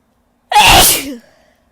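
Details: Female: a single very loud, forceful sneeze with a voiced burst trailing into a short vocal tail, within a series of powerful sneezes.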